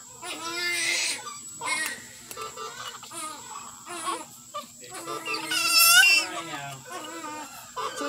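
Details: A newborn cries during NICU care time: repeated high-pitched bursts with short breaths between, over a steady background tone and faint room sounds; ordinary infant cry.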